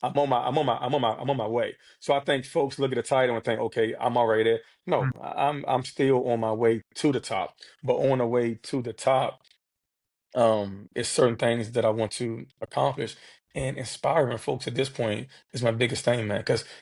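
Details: Adult man who has stuttered since childhood, in a real interview, with repetitions of sounds, words and phrases; stuttering.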